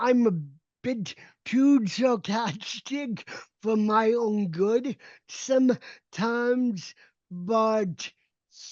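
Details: Adult man with cerebral palsy whose speech did not come naturally and was developed through speech therapy from about age seven; speech judged well understood, consistent with cerebral palsy-related speech impairment (dysarthria).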